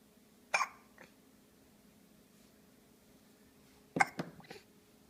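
Two abrupt, sharp gulping sounds a few seconds apart over quiet background; hiccups.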